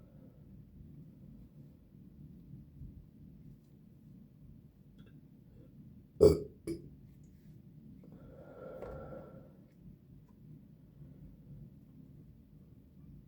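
One loud, abrupt belch followed by a short second one in a quiet room.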